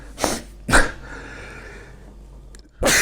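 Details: Adult man, a Ukrainian presidential adviser said to have allergic rhinitis, sneezes while speaking in an interview: two sharp explosive bursts close together, then a third after a pause, a short series of sneezes.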